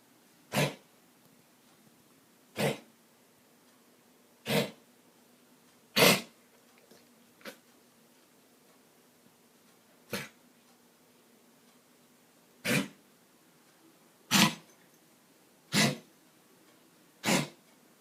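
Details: About nine short, sharp, dry coughs at irregular intervals over eighteen seconds from a dog; the owner wonders if it is kennel cough.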